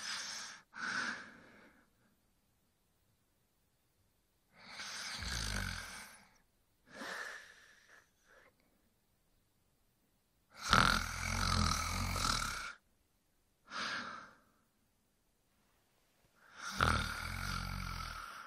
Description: 1 hour of a male snoring to help You sleep better at night.